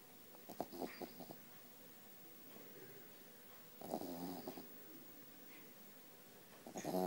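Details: A sleeping Cavalier King Charles Spaniel puppy snoring loudly, like a trucker, in rattling bursts with quiet pauses between breaths.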